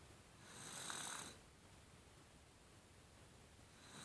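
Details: Light snoring: one soft, breathy, rasping breath sound over steady room hiss, then quiet.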